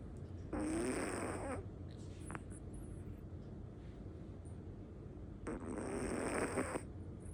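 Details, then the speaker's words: Dog snoring very loudly while asleep. "มาดูหมานอนกรนนะคะทุกคนกรนดังมาก"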